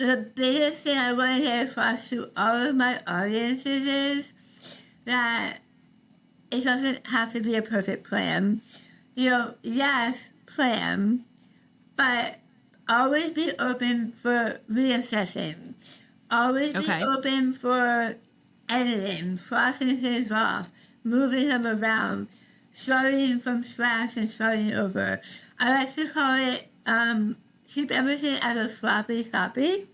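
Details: Adult woman treated for stage 4 tongue cancer: over half her tongue was removed and rebuilt with a forearm graft, plus neck dissection and six weeks of radiation and chemotherapy; about three years later strangers sometimes cannot understand her; articulation disorder after partial glossectomy.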